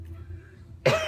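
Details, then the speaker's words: A single abrupt cough or throat-clear from an adult woman getting over a cold, with a low bass hum and music in the background. "I am getting over a little bit of a cold, so I apologize in advance for clearing my throat and coughing."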